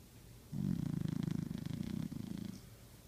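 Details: Pet dog snoring while asleep: low, rumbling, fluttering snore about two seconds long with rapid vibration through the breath.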